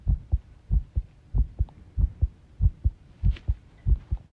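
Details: Heart sounds recorded while the person tidies a room, ASMR, stated to include arrhythmia; low paired heart sounds about 95 a minute with uneven spacing between some beats. Heart sounds with arrhythmia.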